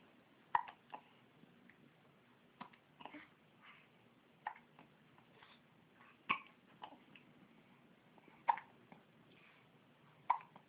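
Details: Hiccups: short, sharp gulping clicks repeating irregularly, about 33 a minute, in a quiet room.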